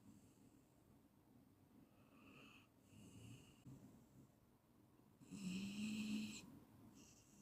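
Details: Clean snoring recording for sleep induction, from a 15-minute track: quiet breathing with a louder snoring breath near the end.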